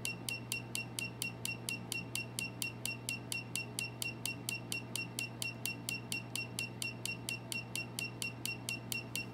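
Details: Steady, rapid high clicks at about 86 per minute over a constant low hum: a laser pulsing during a second laser tattoo removal session.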